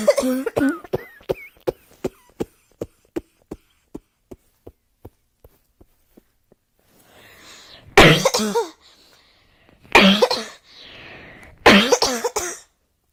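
Repeated harsh coughing in several bouts, with a run of fading clicking sounds between them. Ongoing cough.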